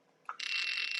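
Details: AMT CO2 fractional laser (glass tube, scanner) for pores and scars firing in the rotating "moving" scan mode, described as less painful: short click, then steady high electronic tone.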